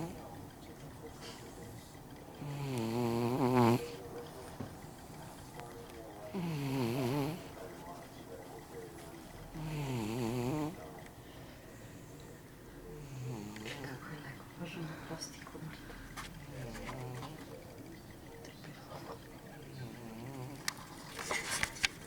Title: cat that snores